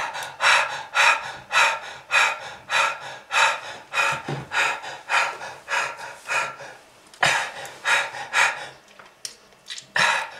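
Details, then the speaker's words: Rapid, heavy, gasping, effortful breaths at about 100 a minute, attributed to smoking-related lung disease; labored breathing. "If you want this to happen to you, just keep smoking. This is lung disease."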